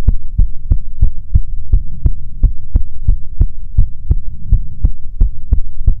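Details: ASMR heartbeat recording: steady, evenly spaced deep thumps over a low hum; normal heartbeat.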